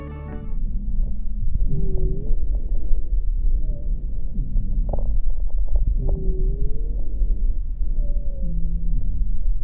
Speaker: Roncos. Es un ruido de baja tonalidad que se produce por vibración de las paredes de la vía aérea generado por flujo turbulento por obstrucción.